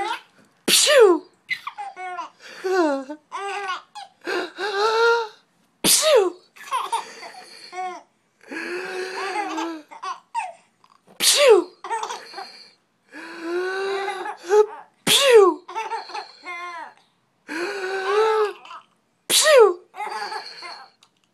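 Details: Infant giggling in bursts in response to an adult's sharp sneezes, repeated about five times.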